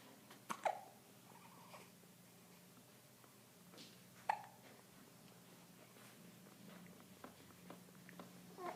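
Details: A 3-week-old infant gives a few brief, sharp hiccups at irregular intervals in a quiet room with a low steady hum; infant hiccups.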